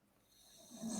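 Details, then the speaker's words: Snoring from a sleeping 9-year-old female pet lying on the ground nearby during a live stream. "Can you hear a snoring sound? Yeah. Right. She's on the ground."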